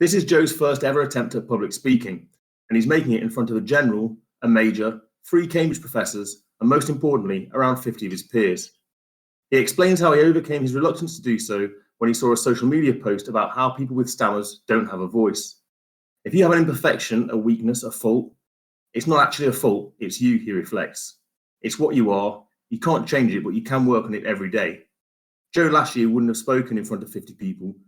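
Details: Adult male narrator; typical speech.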